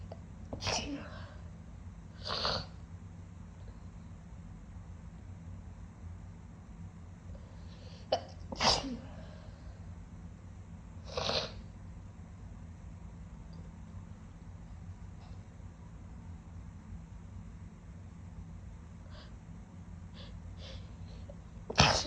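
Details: Several loud, wet-sounding sneezes spaced seconds apart, with sniffles between them and a low hum in the room; sniffly wet sneezing.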